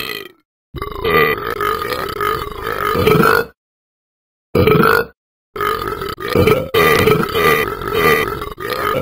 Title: Talking Ben burping